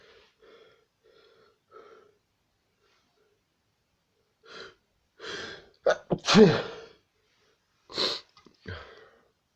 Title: sneezing like mad